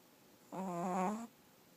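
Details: Chihuahua dog sound asleep: a single short, buzzing, tone-like in-breath; a snore during sleep.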